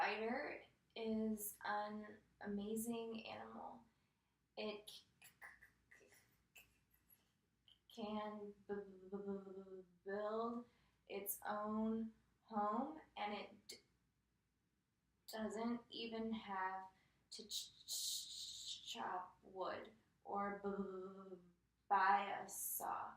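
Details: Female client in a stuttering therapy session reads a passage aloud and tallies her own stuttering moments, with the clinician also pointing them out; stuttering.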